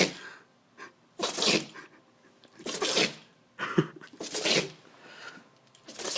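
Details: A dog sneezes in a rapid series of about four or five sharp, hissing bursts within six seconds; the owner does not know why he sneezes so many times: repeated sneezing.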